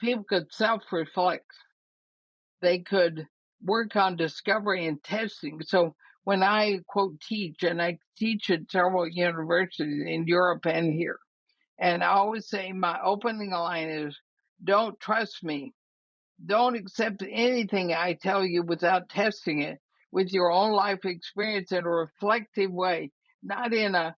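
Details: Woman, 80, with ALS (Lou Gehrig's disease) also affecting her breathing, already having quite a bit of trouble speaking though still intelligible; dysarthria (ALS).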